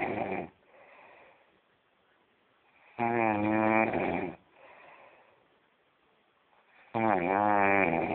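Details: Snoring from a person sleeping deeply in Mauá: loud rhythmic snores on each inhalation, roughly every four seconds, with quiet outbreaths between them, about 15 breaths a minute.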